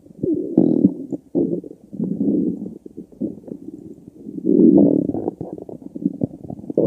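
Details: Long, low gurgling rumbles with bubbling pops, rising and falling; ordinary stomach growling (borborygmi).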